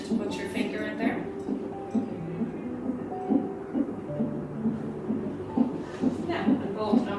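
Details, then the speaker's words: Fetal heartbeat from a CTG monitor during pregnancy or labour: rapid, regular whooshing pulses near 133/min, with background music. "the machine also produces a beating or pulsing sound that represents your baby's heartbeat"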